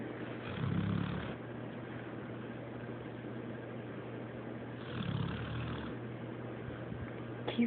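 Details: Snoring from a sleeping boxer-mix dog that won't wake up: two low rumbling snores about four seconds apart over steady room hum.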